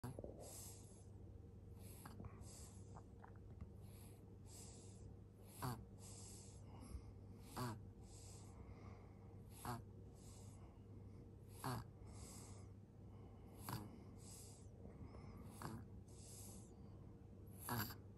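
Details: Soft, regular snorting snores at about 30 breaths a minute from a sleeping 4-month-old baby; infant snoring.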